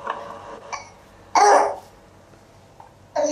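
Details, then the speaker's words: Three-year-old boy with croup, filmed at home in a bathroom: several harsh, hollow, barking coughs. "hear the barking cough and Australia oh the pictures not that interesting right yeah the pictures just my bathroom this was my son who was three"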